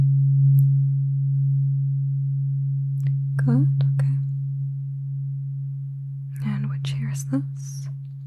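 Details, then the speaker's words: Simulated tuning fork hearing test in an eyes-closed ASMR cranial nerve exam roleplay: a tuning fork tone is played and the listener reports when and in which ear (left) it is heard. "I have a tuning fork here. Sounds like this. I just want you to tell me when you can hear the tuning fork."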